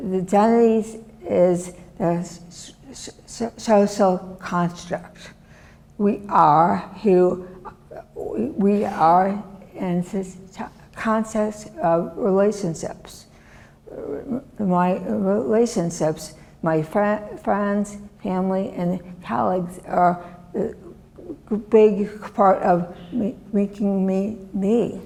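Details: Adult woman with aphasia and right-sided disability since a severe stroke in 2010; aphasia.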